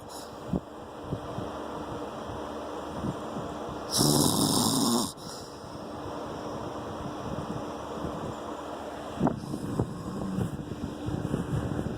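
Loud, rough snore during sleep, with a quieter breathing rattle in between, over steady room noise.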